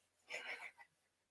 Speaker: My partner has a cold, so you can hear him sniffing and sneezing in the background.